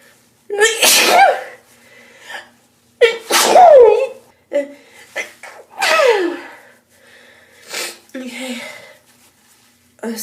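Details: Girl with tingling allergies: three forceful sneezes, each with a sharp inhaled lead-in and voiced burst, mixed with short breathy vocal sounds; repeated sneezing.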